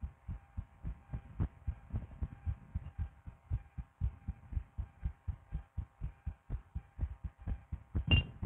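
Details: Adult woman's own heart recorded through a DIY stethoscope for ASMR: steady, soft, low thumps, somewhat quick, with a faint background hum and a brief rub near the end; normal heart sounds.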